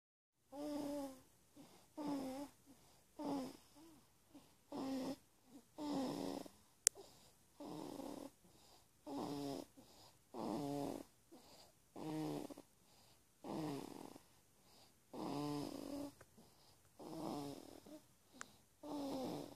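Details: Soft, regular rattling snores, about 40 a minute, with quiet gaps between; snoring.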